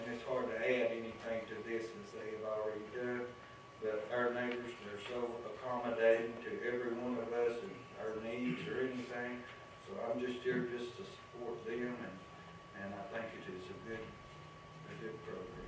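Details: Adult male speaker; normal voice.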